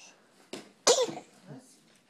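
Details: 2-month-old infant sneezing, then smiling: a soft intake of breath followed by one sharp, explosive sneeze burst in a quiet room.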